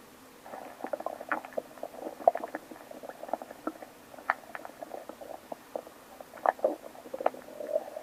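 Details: Continuous loud gurgling, bubbling stomach growls with frequent irregular pops on waking in the morning: active bowel sounds (borborygmi).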